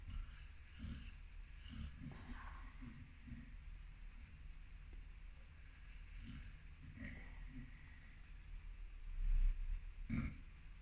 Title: American PitBull Terrier snores, runs around in a dream. Питбуль храпит и бегает во сне